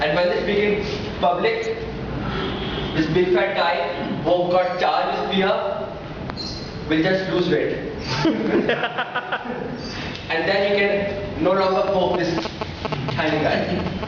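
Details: Woman who describes herself as a person who stammers, speaking in short phrases separated by long pauses; stuttering (stammering).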